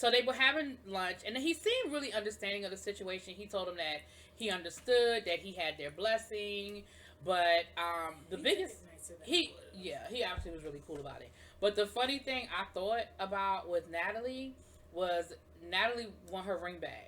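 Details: Adult woman speaking; Ordinary speech.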